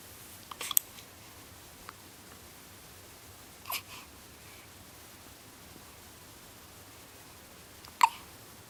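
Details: Hiccups: three short, sharp catching sounds a few seconds apart in a quiet room.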